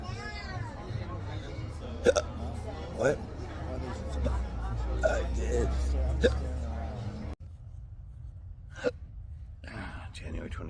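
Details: Sharp, abrupt hiccups repeating about every second over restaurant background noise and low hum, in an adult with long-standing intractable hiccups, recorded on their birthday at a restaurant; hiccups.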